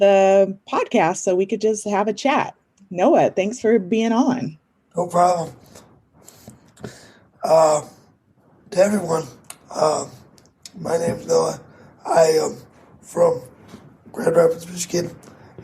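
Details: 22-year-old man with cerebral palsy affecting his muscles, muscle tightness making talking harder; dysarthria (cerebral palsy).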